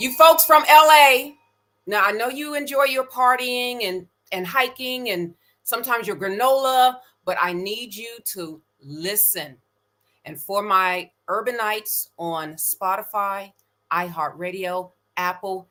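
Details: Adult woman speaking; Normal fluent speech.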